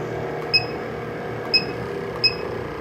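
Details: SeQual Eclipse 5 portable oxygen concentrator switched to pulse-flow mode, pulse setting 2 with 32 ml bolus per puff: short high puffs at irregular intervals over a steady hum, one puff per breath.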